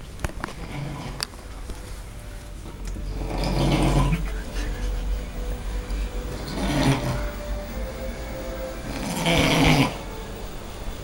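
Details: Adult friend sleeping in a shared room, snoring loudly, likened to a locomotive or siren: rough, rattling breaths every few seconds with quiet room noise between.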